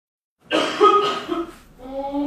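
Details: A single harsh, voiced cough burst from an adult, trailing into a brief vocal sound; an ordinary cough.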